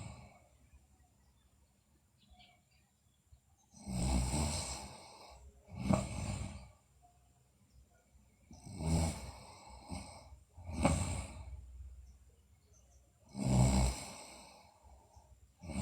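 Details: Sleeping girl, also noted to have bruxism and sleep delirium: deep, rattling snores about 12 per minute with near silence between breaths; snoring during sleep.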